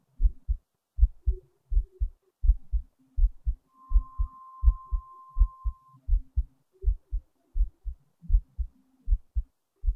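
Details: Heartbeat recording: steady low double thumps at about 80 beats a minute, regular rhythm, with a brief faint background hum.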